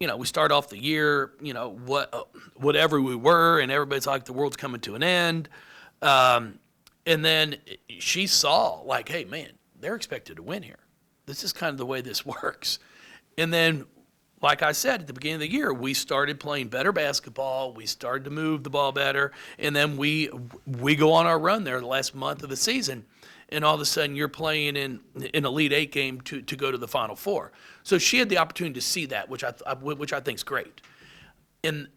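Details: Adult man with lifelong stuttering, speech therapy from first to eighth grade, now much improved; anticipates stutters and substitutes words; stuttering.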